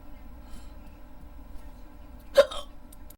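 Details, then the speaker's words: Sleepy person trying to fall asleep, hiccups on and off for about 15–20 minutes; a single sharp hiccup stands out against quiet room noise: hiccup. "Excuse excuse me I'm really trying to fall asleep but I can't can't do to these hiccup hiccups excuse me I've had them for about I've had them off and on for about 15 20 minutes"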